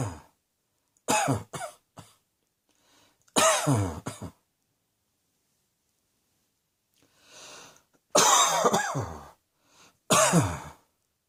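About eight harsh coughs in several clusters, with quiet pauses and a faint in-breath between them; repeated coughing.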